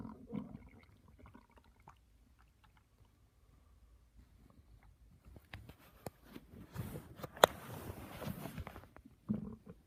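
Low gurgling and rumbling with soft bubbling pops in a quiet room; ordinary stomach growling from gas and fluid moving through the gut.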